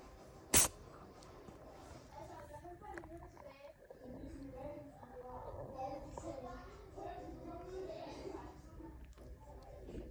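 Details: A black cat gives one sharp, quick sneeze, followed by quiet room sounds and faint background voices.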